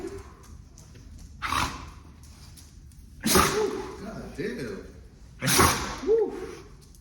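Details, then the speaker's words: A female pit bull repeatedly sneezing after the floor was mopped with bleach, hard enough to hit her face on the floor: three sharp nasal bursts, each followed by a snorting exhale, in a small room. "Dam damn chill out she bust her jaw daughter she just bust her face sneezing did y'all see that it's on camera"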